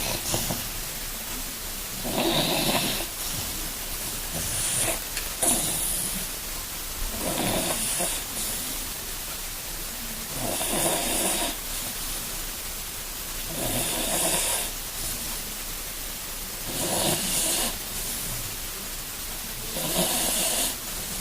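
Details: Sleeping female dog with tracheal collapse snores loudly in a steady rhythm, about 19 breaths a minute; deep breaths make a wheezy buzzing sound, loudest during sleep.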